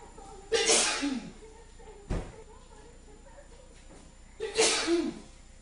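Two loud sudden sneezes a few seconds apart, each a sharp burst with a short voiced tail; a brief knock between them.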